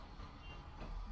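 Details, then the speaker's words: During flexible endoscopic examination for snoring and sleep apnea, with the scope at the tongue base, the patient briefly imitates snoring on request: a low, rumbling snore; the examination found narrowing at the lateral pharyngeal bands and at the tongue base. "dil köküne doğru iniyorum şimdi yine horlar gibi yapın"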